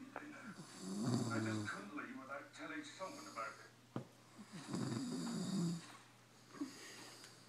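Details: Snoring: loud, rattling snores on each breath in, with a snort between breaths.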